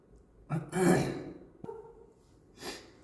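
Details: A short burst of throat noise, then a brief sharp catch and a softer breathy burst; a single cough with light throat clearing.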